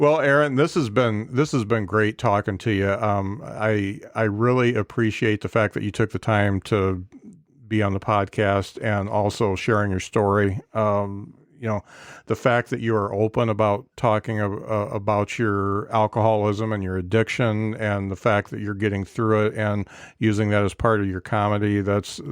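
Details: Male podcast host who says he stammers when he talks, on stage and in general, and wishes to stop; stammering.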